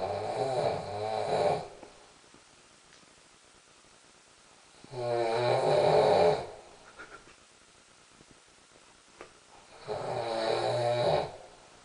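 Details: Snoring during sleep: three loud, rough, rattling snores with quiet pauses between, about 12 per minute; sound likened to Darth Vader with a head cold.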